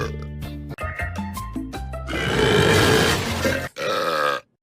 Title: Teen Titans Burp Compilation | Female